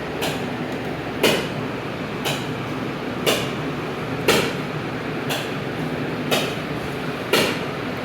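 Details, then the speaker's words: Patient lying at rest during extracorporeal shock wave lithotripsy (ESWL) for an 11–15 mm stone in the lower pole of the left kidney, possibly uric acid: sharp hammer-like knocks about once a second over room hum; lithotripsy shock waves. "इसकी लिथोरप्सी की आवाज ऐसी है कि जिसमें ना patient को डर लगता है कि शायद पता नहीं कोई हथौड़े मार रहा है।"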